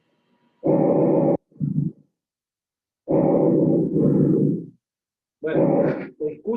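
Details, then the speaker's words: Loud, harsh, hollow breath sounds on a mannequin simulator, with expiration almost longer than inspiration. This is glottic breathing, called bronchial breathing in American usage, generated by airflow through the glottis. "el tercer ruido, que es el ruido el glótico, la respiración glótica. Y acá los americanos la tienen como bronquial, y que no es generada en los bronquios, sino en el pasaje de aire a través de la glotis."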